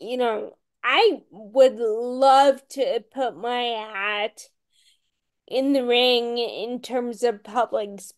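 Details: Ataxic dysarthria in a woman with Friedreich's ataxia, a rare, genetic, progressive disease diagnosed at age 16; she reports voice issues.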